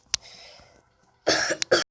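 A brief sharp cough, then a louder burst of two or three coughs at the end, in a quiet room.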